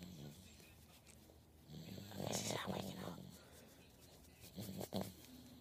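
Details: Baby girl snoring in deep sleep: soft, rattling snoring breaths with a snort near the end; quiet room noise behind.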